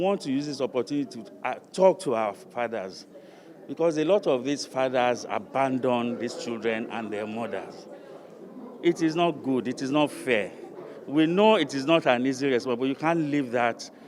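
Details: Adult man speaking; Typical adult speech.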